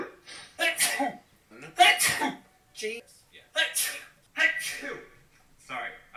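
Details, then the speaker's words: A run of five or six short, explosive sneezes separated by brief pauses; sneezing. "Bless me. That was violent."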